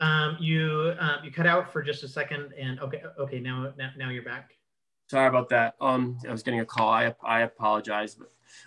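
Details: Adult man with self-reported cluttering involving repetitions, interjections, revisions and telescoping, especially when talking fast: cluttering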